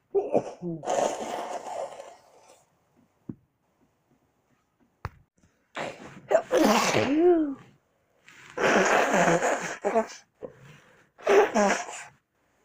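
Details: A person's own sneezes collected over a week: four separate sneezes, each a voiced build-up breaking into a forceful burst, with quiet gaps between; sneezes.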